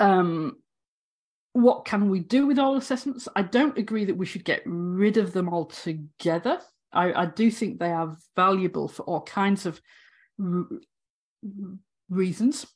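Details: Stammering (stuttering) in an adult woman academic who has stammered throughout 18 years as a higher-education lecturer.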